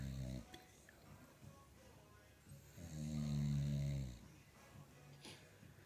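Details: Sleeping English Bulldog, dozing off, snoring: low, rumbling snores with faint background music and room noise.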